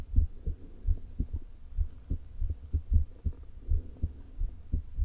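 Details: Woman's heart recorded herself via stethoscope placed low on chest: muffled beats at irregular intervals, about 100 a minute; atrial fibrillation with a leaking heart valve, before open heart surgery.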